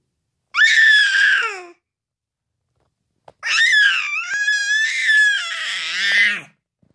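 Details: Young child crying loudly: two long wailing bursts with a pause between; ordinary crying.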